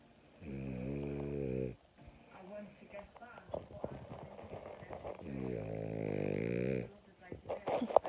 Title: French Bulldog Snoring